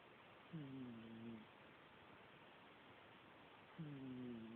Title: Cat snoring Again